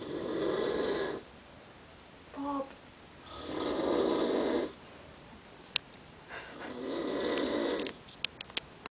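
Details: Dad snoring: three loud, rough, rattling snores about a second each separated by quiet pauses, roughly 20 breaths a minute; ordinary snoring.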